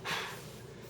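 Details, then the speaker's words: A single brief, abrupt breathy catch from an infant with hiccups, followed by quiet room sound. "look at daddy oh he's got the hiccups oh how do I fix"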